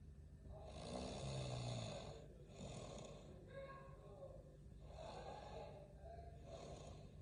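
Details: Loud snoring from a sleeping man: low, rumbling breaths repeating every couple of seconds with a rough flutter on each.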